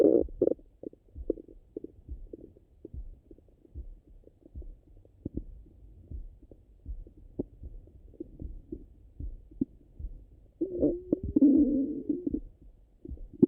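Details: Stomach rumbling after breakfast: soft irregular gurgles and pops throughout, ending in a longer rising squeaky gurgle; normal borborygmi.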